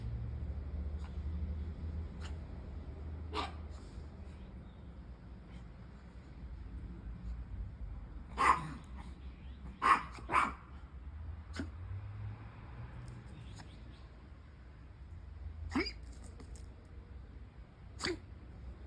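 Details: Puppy with a cold sneezing: several short, sharp bursts of air.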